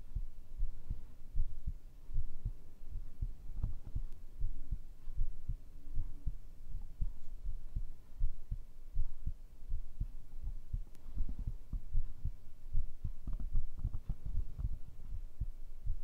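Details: ASMR heartbeat recording, tagged as made with a binaural microphone: deep, muffled heartbeat thumps heard close up at roughly 78 a minute, with some unevenness and background rustle.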